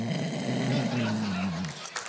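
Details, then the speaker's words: Man's spoken imitation of snoring, meant as a sleep apnea impression: one long, rattling, low snore that slowly drops in pitch and trails off, then brief room noise. "wait wait that's just snoring that was just snoring that was just snoring"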